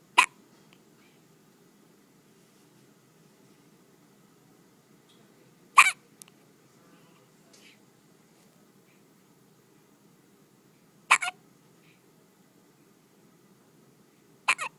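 Four short, sharp hiccups spaced several seconds apart, about 11 a minute, over quiet room hum; ordinary infant hiccups.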